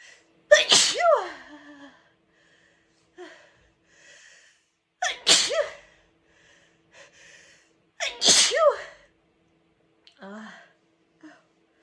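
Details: A small run of loud, powerful, exhausting sneezes, leaving the person dizzy with a sore throat hours afterwards.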